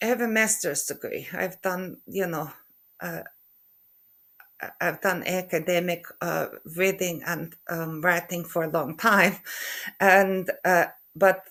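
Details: Aphasia (word-finding difficulty) in an adult woman after a stroke in November 2023, using very short, simple sentences.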